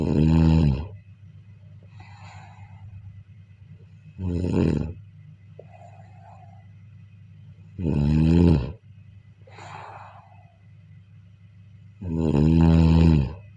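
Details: Loud, rumbling snores on each in-breath, about 14 breaths a minute, with softer airy out-breaths, recorded during sleep: steady snoring.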